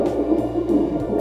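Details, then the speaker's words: Normal fetal heartbeat on cardiotocography (CTG) Doppler during a pregnancy checkup non-stress test: rapid, rhythmic whooshing pulses with good variability within the normal zone, uterine tone normal, mother marking fetal movements. "сердцебиение плода имеют хорошую вариабельность укладываются в зеленую зону норма для ребеночка"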